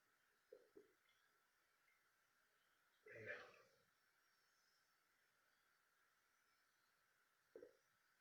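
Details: A short, low belch in a quiet room, with a couple of faint throat sounds before and after; burping.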